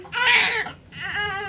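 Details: Newborn girl born vaginally at 38 weeks after a membrane sweep: two strong, high-pitched cry bursts just after birth, a vigorous normal first cry.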